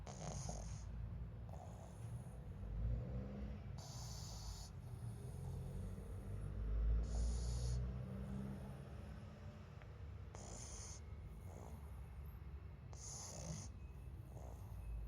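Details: Sleeping pug snoring: low, rumbling snores with snorting breaths, plus faint room noise.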